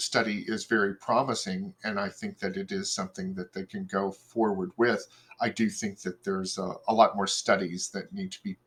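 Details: Adult male speaker; typical speech.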